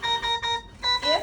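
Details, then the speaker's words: Alarm of a Newport HT70 ventilator at start-up in an education demonstration: repeated steady electronic tones in short bursts; the screen shows which condition, such as high pressure, triggered the alarm. "there's alarms going off it will tell you what that alarm is on here"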